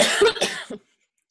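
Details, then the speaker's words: Adult woman suddenly coughing for no known reason: a short run of three quick, dry coughs, then silence. "I'm so sorry. I don't know why I got on here and all of a sudden I'm coughing."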